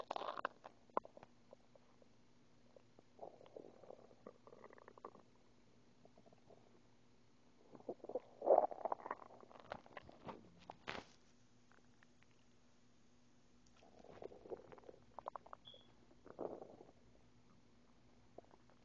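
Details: Person just woken up, no breakfast yet, hungry: gurgling, bubbling stomach rumbles in bursts, hunger bowel sounds on an empty stomach.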